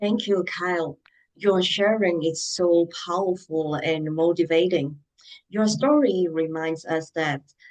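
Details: Adult speaking; typical speech.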